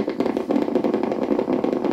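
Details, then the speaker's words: Needle EMG while the patient raises a finger: dense, rapid crackling pops from normal motor units firing normally at moderate activation. "now these are the motor units they are normal motor units the muscle is firing normally and this is at moderate activation"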